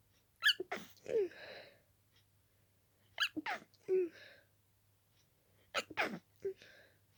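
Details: Itchy-nosed adult with dust allergy: three quick bursts of sharp, wet sneezes in rapid succession, each with a short breath in before it; an allergic sneezing fit.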